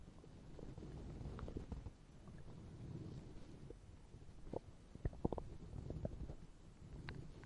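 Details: Sound-effect recording of hunger stomach growling: low, rolling growls with scattered bubbly gurgles, ordinary hunger-related borborygmi.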